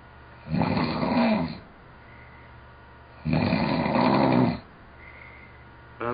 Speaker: oh man I feel like I feel like I would wake myself up if it got this loud yeah